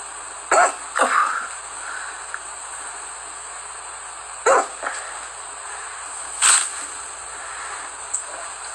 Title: Tik Tok Hiccup Girl #7